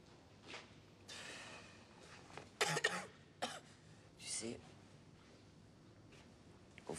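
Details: Cough from an actress in a French film scene.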